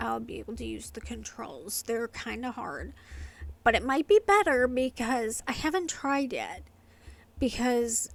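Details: Adult woman with familial essential tremor affecting the vocal cords, diagnosed by a movement-disorder neurologist, plus medication-induced tardive dyskinesia from long-term antipsychotic use; vocal tremor.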